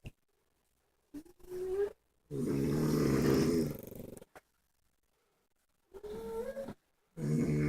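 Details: Snoring quartet of a wife and pug dogs: loud rattling snores alternating with higher-pitched whistling nasal snorts, with silent pauses between breaths; snoring.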